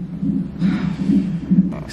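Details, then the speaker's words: Fetal heartbeat on the labor monitor, after the mother's waters broke, with contractions being tracked: fast rhythmic whooshing Doppler beats with brief room noise over them. "there's the baby all the lines still is contraction this is a heartbeat"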